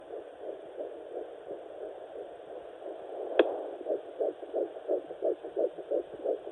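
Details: Fetal Doppler at 9 weeks of pregnancy, third baby: rapid, regular whooshing pulses of the early fetal heartbeat, around 170 beats a minute.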